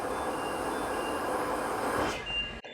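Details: Air noise from a positive-pressure home ventilator running with its intake filter removed; its hose connects to the user's tracheostomy tube, with a heated humidifier attached.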